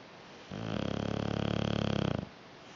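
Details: A dog snoring: a single drawn-out, low fluttering rattle of nearly two seconds on an in-breath, against quiet room noise.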